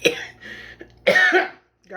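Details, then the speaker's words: A couple of short, rough coughs with throat clearing from an adult while eating cucumbers with lemon and salt; cough. "me a little bit but this is good sorry for coughing"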